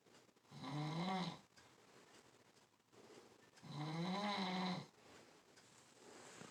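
Two long, rattling snores on slow breaths with quiet pauses between them: ordinary snoring during sleep.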